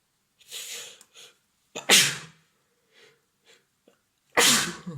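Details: Male with cat allergy in evening sneezing fits after visiting cats, also sniffling, teary eyes, sore throat, nose blowing; several sneezes including two loud, sharp bursts, with sniffs between; sneezing.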